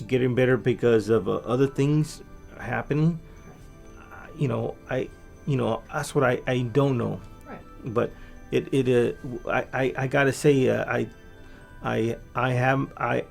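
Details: Adult man with aphasia from a massive stroke about 3 years earlier, before brain training; much language regained but fluency still impaired; aphasia.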